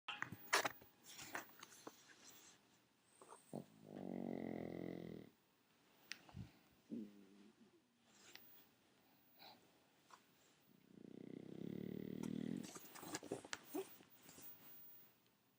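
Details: Shih Tzu dog snoring: two long, buzzing, rattly breaths about eight seconds apart, with small snuffles and sniffs between them.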